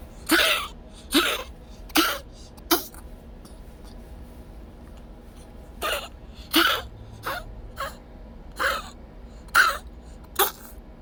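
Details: Cough from a pet with congestive heart failure diagnosed by x-ray the same day, with fluid buildup around the lungs causing the cough, now on medication: repeated harsh, throat-clearing coughs in clusters.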